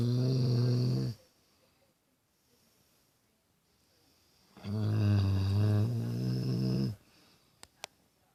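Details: Pit bull dog snoring at 5:25 am after a rough day: two loud, low, rattling snores on the in-breath with a quiet pause between them.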